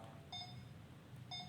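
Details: Two short high electronic tones about a second apart; alert beep from a BOZTRON BT-1800A patient monitor with 12.1-inch screen, 5-lead ECG, SpO2, respiration and pulse rate parameters.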